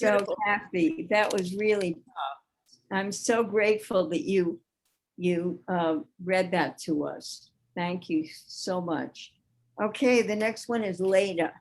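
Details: Adult woman speaking; normal speech.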